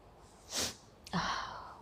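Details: Sharp inward breath, then a single sneeze trailing into a short voiced exhale; sneeze set off by nasal irritation from a bay leaf (tej patta) during a woman's sneezing challenge.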